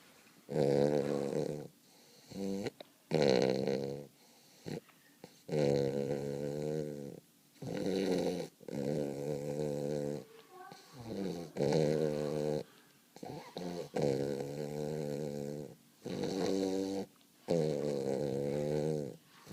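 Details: Snoring in a Weimaraner puppy taking a deep nap: rhythmic, low, rattling snores, about 25 a minute, each a long rough buzz on the breath, with quiet pauses between.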